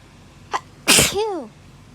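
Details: Hay fever sneezing, filmed over 3–4 days: a short in-breath, then one loud sneeze trailing into a falling voiced tail.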